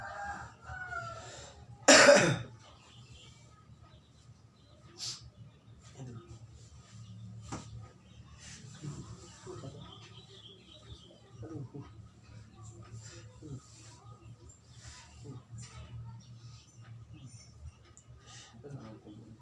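One loud, harsh cough, then quiet room noise with roosters crowing faintly in the background; a cough with flu.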